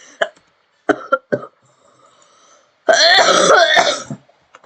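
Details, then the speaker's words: An ill adult gives four short, sharp coughs, then a longer rough voiced throat-clearing sound; temperature measured right after at 37.4 °C. "ой жесть Ви чуєте як я кашляю зараз до речі будемо мірти мені температуру"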